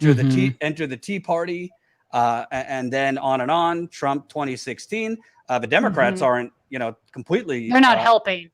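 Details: Adult male speaker; typical voice.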